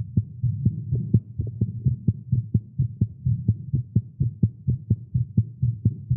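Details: Male, exercising with caffeine; tagged irregular heartbeat. A rapid thumping heartbeat at about 128 beats a minute with a mostly steady rhythm: a fast heartbeat.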